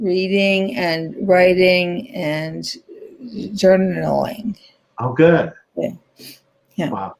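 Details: Adult woman, stroke survivor since 2010 with ongoing rehabilitation therapy; post-stroke aphasia.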